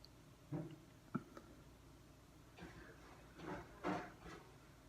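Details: Hard hiccups filmed at the neck: several abrupt, short catches of breath with soft voiced clicks over quiet room noise; hiccups.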